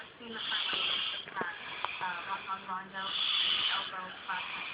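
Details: Snoring during sleep: rattling, buzzing breaths with a fluttering quality, one long snore at the start and another about two seconds later.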